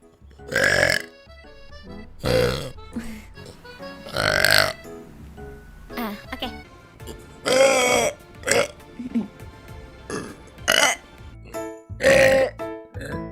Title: Vtuber Burp Compilation